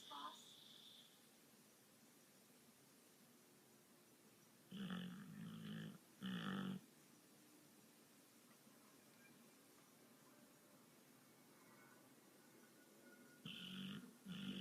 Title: Gotti snoring